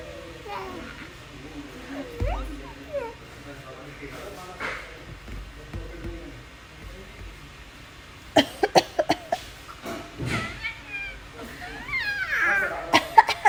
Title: Mumma coughing hahha so funny #shortvideo #cutebaby #love #childhoodtoy #colonelkkjϟ